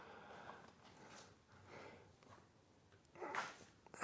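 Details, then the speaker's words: Dog snoring while napping in a woodworking shop: soft, noisy breathing that swells into a louder snorting burst near the end. "If you hear that snoring, that's Oscar. He's taking a nap."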